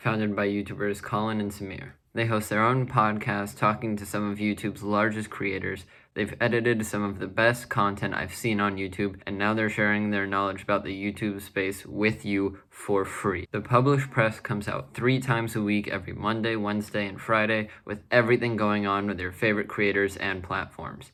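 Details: Adult male speaker; Fluent speech.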